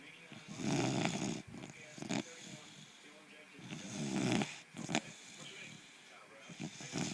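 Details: Puggle with an underbite that snores all the time: loud, rattling, snorting snores, about two in seven seconds, with a soft whistle between breaths; snoring in a small dog.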